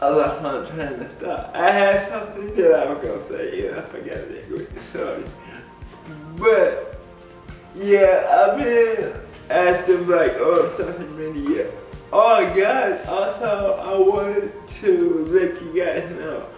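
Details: Adult man with cerebral palsy speaking in a video blog; dysarthria (cerebral palsy).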